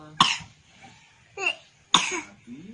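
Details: A toddler with a cold (runny nose) during rainy season gives two sharp, harsh coughs with a brief whimpering vocal sound between them.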